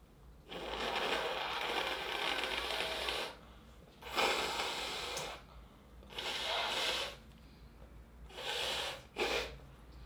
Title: sneezing 3 (Sample, High Quality)